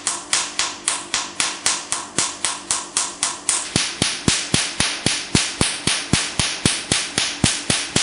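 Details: Sharp, evenly spaced snapping clicks, about four per second, each with a short hiss: a Q-switched Nd:YAG laser firing pulses during a "black doll" skin treatment, with the patient, asked if it hurts, saying it's okay.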